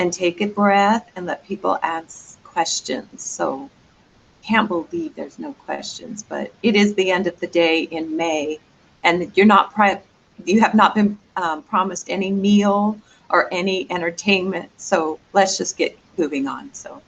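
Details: Adult speaker; normal voice.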